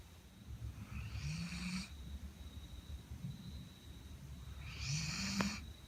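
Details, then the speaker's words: Five-month-old (21-week) female Labrador sleeping with legs splayed: two soft snoring breaths, each with a rising whistly edge; ordinary snoring. "5ヶ月の乙女がお股を開いておっさんのようにいびきをかいています。"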